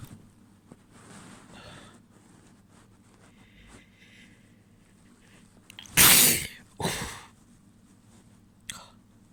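Two loud, wet sneezes in quick succession, with softer stifled sounds before and a brief sharp sound after; ordinary sneezing.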